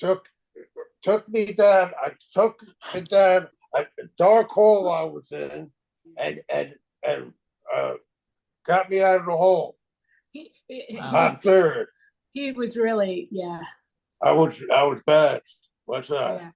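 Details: Aphasia caused by stroke in a man 25 years after the stroke.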